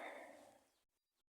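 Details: Sneezing from a cold.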